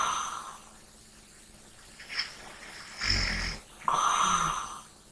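Quiet breathing with a couple of soft snorting snores and a faint whistle on the breath; light snoring.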